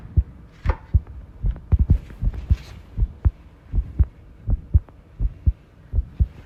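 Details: Self-recorded heart sounds with arrhythmia, taken while tidying a room: heartbeat around 80 a minute with uneven spacing between beats, an irregular rhythm; some rattling background noise.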